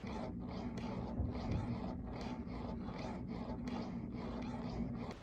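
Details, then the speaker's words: Steady low mechanical hum with soft rhythmic pulsing, about one cycle every half second, from a Willow 3.0 wearable breast pump running during pumping; said to be noticeable in a quiet room. "I'm gonna insert a quick clip of when I was pumping with the willow so you can hear the sound while it was pumping"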